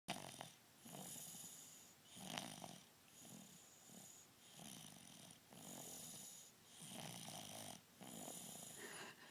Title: Snoring baby